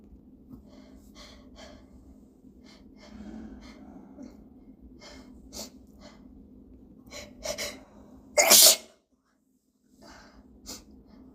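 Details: Several short, hitching catching breaths build up to one loud, explosive sneeze, followed by brief silence.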